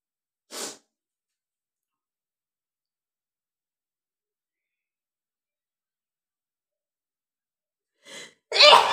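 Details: Sneeze deliberately set off by tickling the nose with paper: a brief airy burst, a long silence, then a short intake and a loud explosive sneeze.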